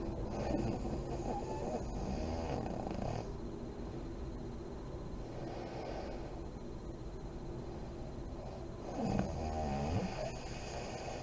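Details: Adult woman (a mother) asleep with lights on, described as deep REM sleep: soft, low snoring, slow deep breaths and fluttery lip-blowing on exhalation over room noise; snoring.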